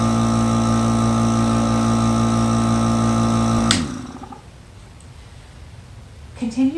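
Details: Compressor of a Monaghan AeroEclipse breath-actuated nebulizer running with a steady loud mechanical hum, then switching off, leaving quiet room noise and a brief voice sound.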